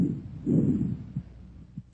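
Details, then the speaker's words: Soft, low rushing breath noise with faint heartbeat thumps behind it, heard in a teaching recording: normal bronchovesicular breath sounds, intermediate pitch and intensity, with inspiration and expiration about equal in duration. "Bronchovesicular sounds have an intermediate pitch and intensity. Inspiratory and expiratory sounds are about equal in duration, and a silent gap may or may not separate them."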